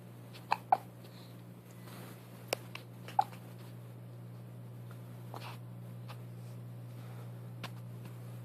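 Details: Baby with brief, sharp, irregular hiccup sounds over a steady low room hum; hiccups.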